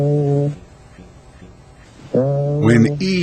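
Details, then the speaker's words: Egophony on chest auscultation during respiratory assessment: patient says "ee", heard as "a" with a nasal quality, louder and clearer than normal, suggesting underlying consolidation of lung tissue. "like a and has a nasal quality as in this example egophony is present suggesting underlying consolidation of lung tissue"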